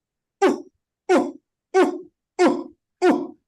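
Five sharp, harsh cough bursts at a steady pace, an adult's imitation of a barking cough from the larynx.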